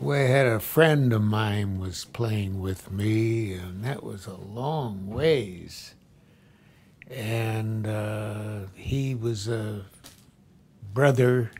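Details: Man with Wernicke's aphasia caused by a stroke about ten years earlier; fluent but meaningless speech, grasping the gist but not the exact question; Wernicke's aphasia.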